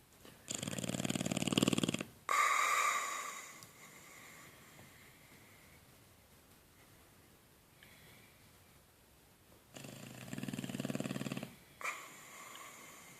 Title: Funny snoring boxer